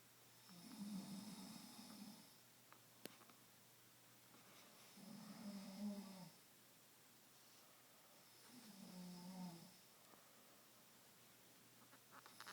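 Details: Adult husband snoring nightly in a dark bedroom, though he denies snoring: three slow, rumbling snores about four seconds apart, each a low fluttering rasp on the in-breath, with quiet room noise between.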